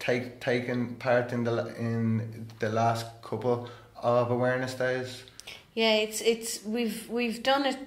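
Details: Adult man who stammers, openly discloses his stammer and attends therapy; stuttering.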